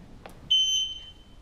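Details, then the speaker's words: Hospital Med-Surg bed (ADVANTA 2) in-service demo: faint click, then a single high-pitched electronic beep confirming the bed exit alarm is set to its most sensitive positioning setting for a very-high-fall-risk patient. "know that that setting has been set as i hear the beep and i see the green light lit next to the setting that i've selected"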